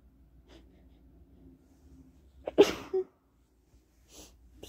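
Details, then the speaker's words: Adult woman with a cold, possibly flu, feeling unwell: a single sharp sneeze with a brief inward breath before it, in a quiet room. "i can't really tell if it's a cold it might actually be the flu because i feel i feel horrible"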